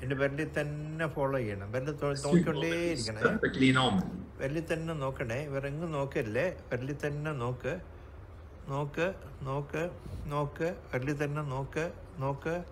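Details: 65-year-old man with progressive supranuclear palsy, Parkinsonism variant, with right hand clumsiness, falls and asymmetric akinesia; repeating a sentence and counting one to ten, volume progressively fading and speech stopping midway; hypokinetic dysarthria with speech freezing.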